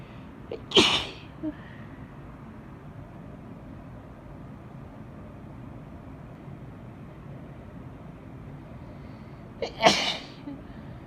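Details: Two separate sneezes about nine seconds apart, each a quick intake then a sharp explosive burst, over quiet room noise; sneezing.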